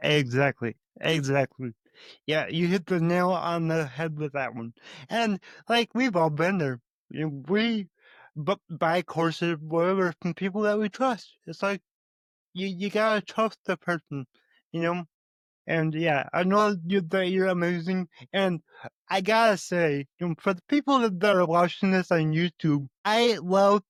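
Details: Adult male with cerebral palsy and a lifelong speech impediment who still stutters, though much less than before, and more so with his mother; stuttering.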